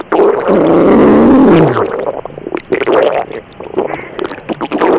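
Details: Produced sound effect of upset, sick stomach noises: long gurgling, groaning rumble with shorter bubbling sounds; stomach rumbling.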